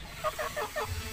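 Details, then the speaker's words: One of two chickens snoring from a cold/flu, owner treating them: short, raspy, rattling bursts with a hissing edge from noisy breathing; respiratory rales. "Jadi, saya punya ayam yang mendengkur. Ada dua yang mendengkur."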